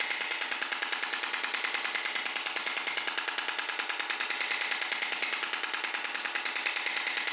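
Steady, monotonous rapid clicking pulses, about 146 a minute, very regular, from an extracorporeal shock wave therapy device at work.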